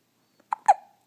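Two quick, squeaky catches of breath in quiet surroundings, typical of an infant's hiccups.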